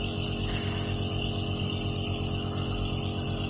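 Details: A child with cough and runny nose inhales from a compressor nebulizer, which hums and buzzes steadily without pause.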